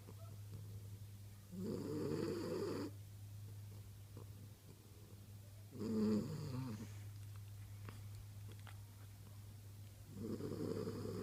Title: French Bulldog snoring in her sleep